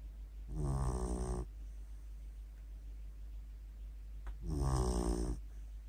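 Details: A sleeping Beagle dog snoring, eyes partly open: two loud, low, rattling snores about four seconds apart, with a steady low hum between them; ordinary snoring.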